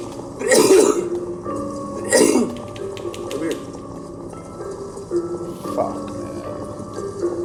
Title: faroe coughing